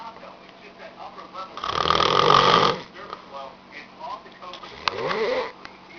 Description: This dude has the worlds loudest snore!